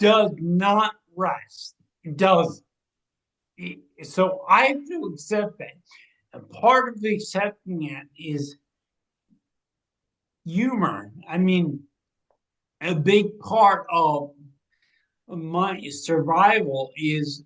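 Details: Ataxic dysarthria in a 45-year-old man with degenerative ataxia from cerebral atrophy, diagnosed around 2013–2014; it affects his movement, balance and speech, and his speech began changing around 2020 as the disease progressed.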